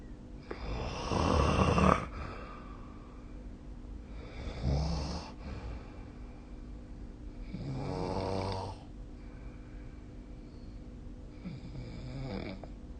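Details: Loud, rattling snores from a sleeping adult, about four in twelve seconds, some coarse and fluttering, with quiet room hum between; recorded with the SnoreLab app.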